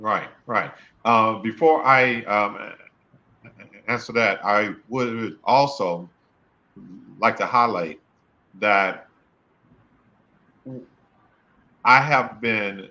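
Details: Adult male speaker; stuttering.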